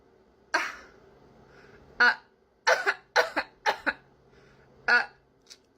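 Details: Deliberate demonstration coughs by a voice coach showing how glottal stops make coughs sound more feminine or masculine: a series of short voiced coughs, some paired, each starting with a hard throat catch, in a quiet room.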